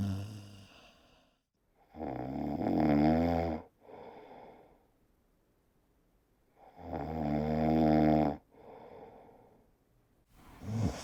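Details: Loud, rattling male snoring from a sound-effect recording; inhaled snores about every five seconds, roughly 12 breaths a minute, each followed by a softer exhale.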